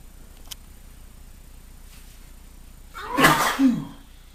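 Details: Man with pollen hay fever, just back from outside, sneezing for about half an hour: quiet room, then one sharp explosive sneeze with a voiced tail.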